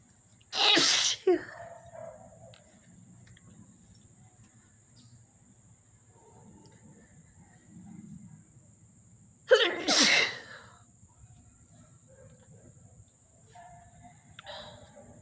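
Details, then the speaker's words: Two loud, forceful sneezes about nine seconds apart, each with a sharp inhale, then quiet breathing; a tickly, repeated sneezing fit from dust irritation after an itchy nose all day. "Finally, I feel like I'm getting some of this tickle out. These are very tickly sneezes."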